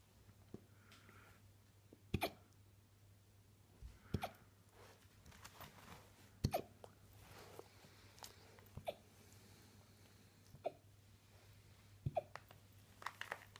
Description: Little cute husky puppy with the floppiest ears has adorable hiccups.